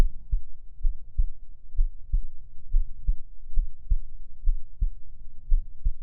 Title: Rest your head on me... (Heartbeat sounds)